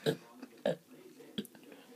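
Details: Girl deliberately fake burping: three short low gulping belches; forced, imitated voluntary burping, not a symptom.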